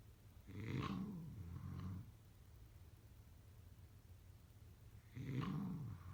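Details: Snoring during sleep: two deep, rough, rumbling breaths about five seconds apart, separated by quiet exhalation.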